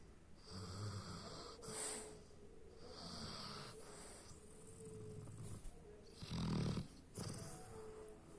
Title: Hachiko's Snoring